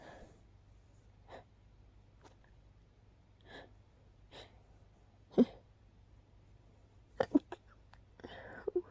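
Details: Stifled sneezes after being woken by a persistent nose tickle, kept quiet so as not to disturb others: a run of short, muffled sneeze bursts with soft breaths between them in a quiet room.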